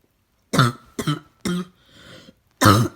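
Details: Child giving four harsh, deep, hoarse, seal-like coughs with a rough breath in between; barking cough.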